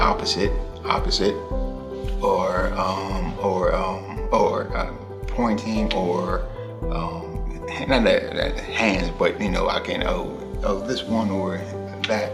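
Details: Male stroke survivor whose stroke was 2 years ago, describing a picture. He has aphasia with word-finding difficulty and auditory comprehension difficulty, and had almost no words after the stroke. Music plays in the background.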